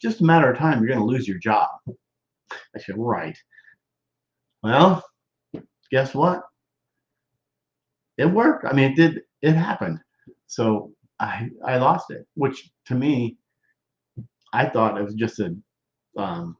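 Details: Male stroke survivor, more than 13 years post-stroke, with self-reported Broca's expressive non-fluent aphasia involving word-finding difficulty, trouble with function words and word substitutions: expressive (Broca's) aphasia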